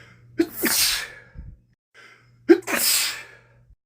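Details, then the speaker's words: Two strong sneezes, each preceded by a sharp catching inhale, with a sniff between, from a man with a common cold; sneezing from a cold. "Man, 3 in a row. 4. I feel like there's one more."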